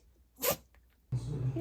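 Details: Small dog that replies by sneezing, sneezing once sharply and briefly when asked if it is hungry, followed by a person talking.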